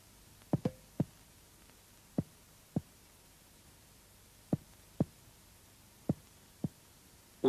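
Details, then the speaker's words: Series of short, hollow taps from comparative finger percussion over symmetrical areas of the back, each similar to the next: the same clear resonant lung note on both sides, a normal finding. "человека над симметричными участками лёгких выявляется одинаковый Ясный лёгочный звук"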